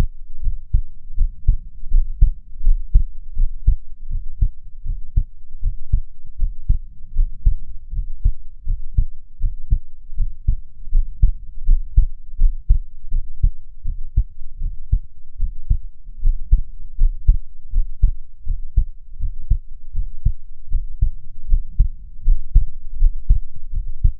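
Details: Steady, regular low heartbeat thumps at a stated 78 beats a minute, a real, nearly unedited heartbeat the person calls slightly fast, recorded while breathing slowly; normal heart sounds.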